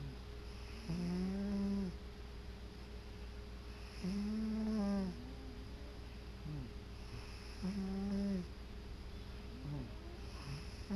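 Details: Sleeping cat on his favorite chair: soft, regular snoring with a low vibrating sound on each breath, about 19 breaths a minute, over steady room hum; cat snoring.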